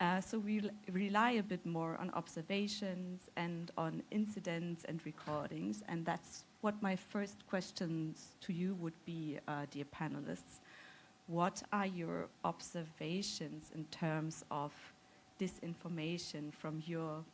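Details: Adult woman speaking; normal voice.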